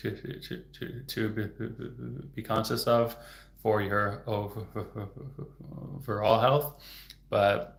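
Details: Real stuttering in an adult male who stutters, heard stuttering openly.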